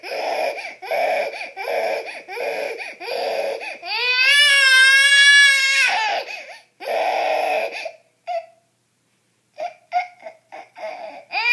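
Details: Infant crying: rhythmic bursts of crying with a long rising wail, then quieter sobbing and whimpers in a small room; an ordinary infant cry.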